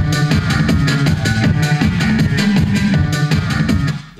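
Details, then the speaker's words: Electronic dance music with a steady beat, full bass and bright highs, played in a children's hearing-risk awareness show as what normal hearing perceives, before a muffled hearing-loss version; normal hearing reference. "Mais attends, bouge pas, tu vois, je vais te faire écouter quelque chose, tu vas vite comprendre. Regarde, voilà ce que nous entendons, nous."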